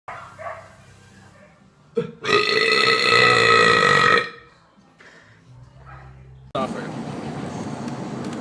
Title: Vine Burps 30